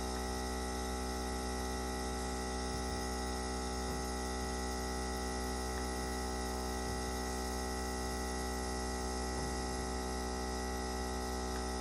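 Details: Steady low electric hum and buzz of a running nebulizer compressor, unchanging throughout, during inhalation treatment for a coughing, sneezing dog after injection and medicines failed.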